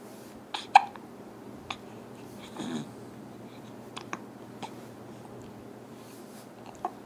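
Quiet room with several brief, sharp hiccup sounds at uneven intervals, about seven in seven seconds, typical of hiccups.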